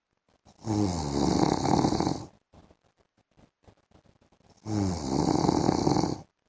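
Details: Adult man (husband) snoring during an afternoon sleep, with background music.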